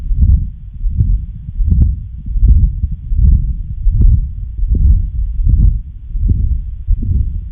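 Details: Heartbeat near 79 per minute with a rumbling murmur running through both phases: continuous machinery murmur of patent ductus arteriosus.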